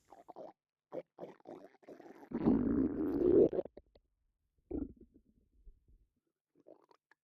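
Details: Stomach rumbling in a person with a bloated, upset stomach, with burping; borborygmi.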